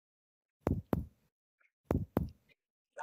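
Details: Abdominal percussion from midline down to the flank for shifting dullness: paired finger-percussion taps give a resonant, hollow tympanic note throughout, with no dullness.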